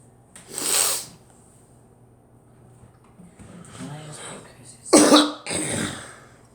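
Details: Three harsh cough bursts with a short throaty sound between them, in a quiet room; an ordinary cough.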